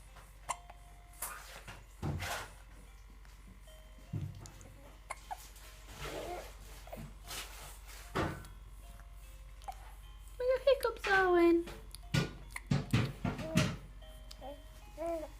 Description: My baby sister with hic ups. So adorable!